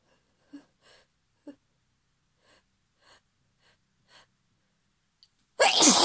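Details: Female holding back sneezes: soft catching breaths and stifled attempts, then one loud, full sneeze finally bursting out.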